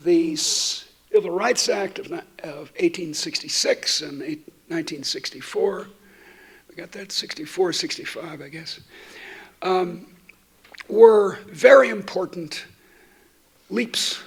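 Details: Adult woman who states she stutters, speaking while she has a terrible cold affecting her voice; stuttering.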